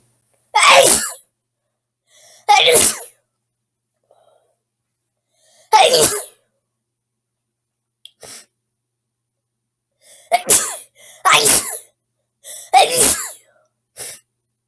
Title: Girl Sneezing Sounds